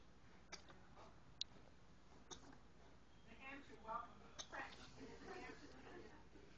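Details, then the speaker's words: Hiccups in Lola, a Bernese mountain dog puppy. "Lola has the hiccups."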